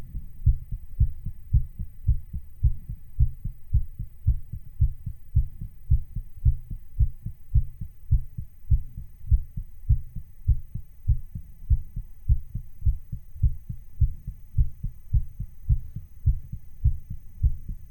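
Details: A person's own real heartbeat recording, played back slightly faster: steady, fast, low heart thumps at about 105 beats a minute, looped; heartbeat (artificially sped up).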